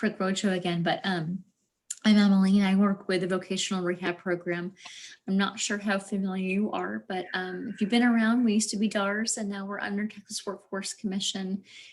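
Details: Adult woman speaking; ordinary speech.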